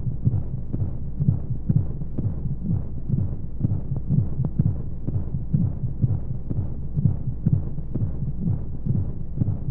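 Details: Womb sound sleep aid for babies: muffled low whooshing pulses, roughly 125 a minute, over steady rushing flow noise and white noise, as heard in the womb; heartbeat.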